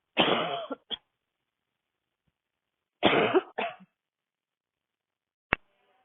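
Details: An adult woman walking outdoors in cold air with a tight throat gives two harsh, dry barking coughing bursts, each with a short follow-up cough, then a brief click.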